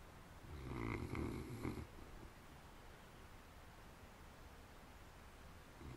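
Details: One short, rumbling snore-like breath from sleepers in the first two seconds, then quiet room noise; snoring.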